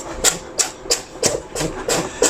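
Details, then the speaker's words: Cat sneezing: a rapid run of about seven short, sharp, hissing bursts. The owner calls it her allergy reaction and says it comes on when she gets excited. "Kitty's having her allergy reaction here as you can hear her just sneezing away. I mean you know. She gets excited and then she gets like that."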